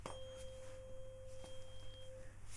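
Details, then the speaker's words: Simulated cranial nerve exam roleplay, tuning fork hearing test: a struck fork rings with a pure steady tone fading over about two seconds while the listener reports when it starts and stops. "and I need to tell me when you can hear the sound and when it stops okay so say now when you can hear it and then stop when it stops okay so this is the sound you'll hear in a moment"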